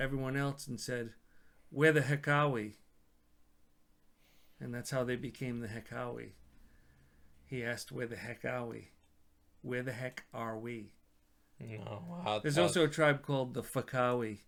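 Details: Adult male speaker; ordinary speech.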